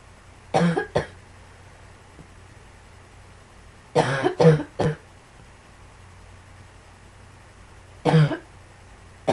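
Three bouts of harsh coughing, six coughs in about nine seconds, with quiet room noise between bouts.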